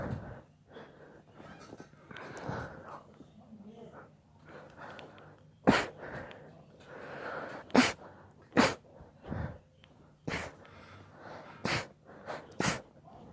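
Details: About six sharp, brief snorting bursts amid snuffling and room noise; repeated sneezes.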